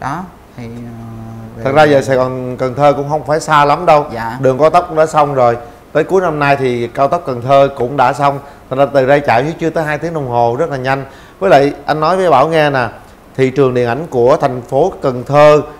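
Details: Adult man; typical speech.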